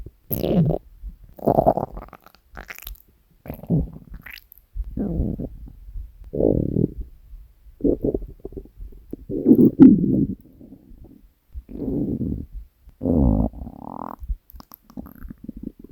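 Repeated low gurgling, rumbling bursts of stomach growling from hunger, a harmless normal bowel sound.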